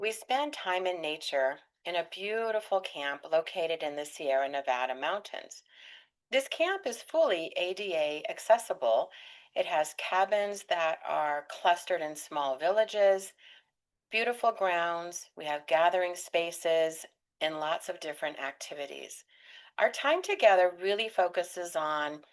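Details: Adult woman speaking; normal fluent speech.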